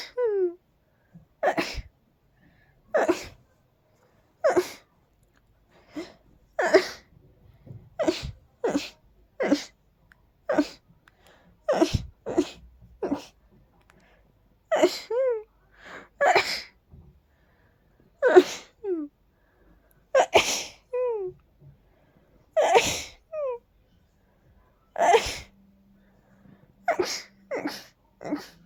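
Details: Dust allergy sneezing: a long run of about twenty sharp sneezes, several with an unusual high-pitched voiced onset.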